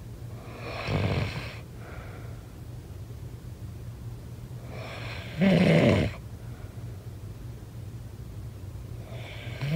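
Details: Loud, rough snoring on each breath at about 14 breaths a minute, with quieter breathing between and a steady low room hum in the background; snoring.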